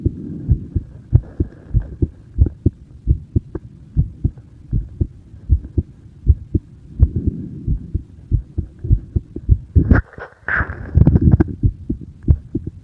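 Steady, regular low thumps at roughly 120 a minute with a faint hum behind, briefly masked by rustling; an ordinary heartbeat.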